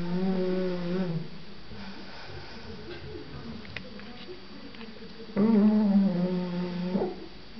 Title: snore 2